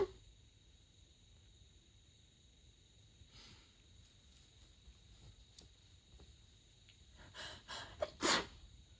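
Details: In the middle of the night, during a very long fit of 32 sneezes covered with a light blanket: quiet room, then several stifled, muffled sneezes in quick succession near the end; sneezing.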